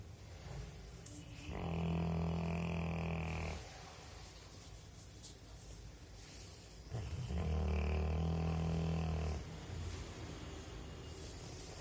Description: Labrador snoring